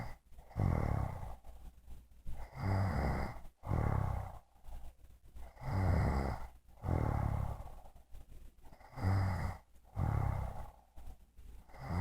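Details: Adult woman snoring in her sleep, recorded by her husband: loud, rough, low snores with each breath, about 19 a minute, some with snorting edges.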